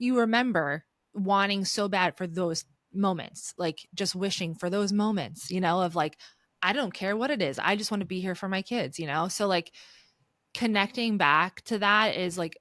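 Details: Adult woman speaking; typical speech.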